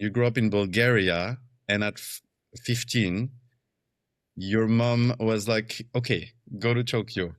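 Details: Adult male speaker; typical speech.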